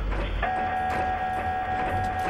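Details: Loud steady tone with rhythmic mechanical knocking from an MRI scanner during a scan, heard from the patient's position inside; the patient appears to be a young child told to stay very still.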